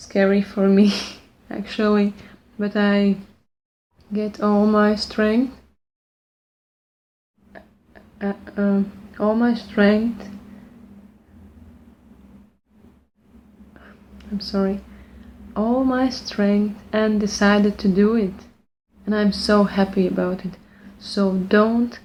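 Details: Lifelong stuttering since childhood in an adult woman speaking English, not her first language, after working on her speech with the Pro90D fluency program; repeated restarts of a phrase; stuttering.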